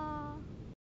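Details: Dysarthric vowel from a young female with cerebral palsy, recorded as the source for a personalized synthetic voice.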